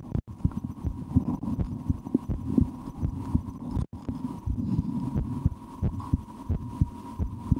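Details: The recorder's own heartbeat through a stethoscope while relaxing; steady, regular soft thuds over a constant low hum. Normal heart sounds.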